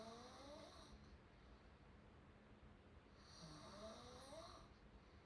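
Two soft, breathy snores with a faint whistle, about three seconds apart, from open-mouth breathing during sleep.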